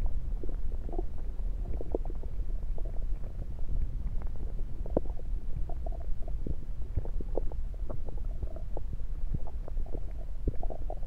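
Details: Stethoscope moved around the belly: low rumbling with frequent short gurgles and clicks; active bowel sounds.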